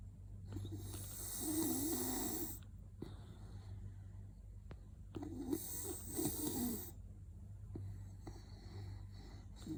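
Loud rattling snores on each breath in, about two in ten seconds, with a low steady hum behind.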